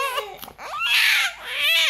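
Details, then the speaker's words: A baby cries in short high-pitched wails with brief pauses in a small room; the mother says the baby is crying because it has peed and wants changing. "Udah kata nangis beneran. Sayang. Oh pipis."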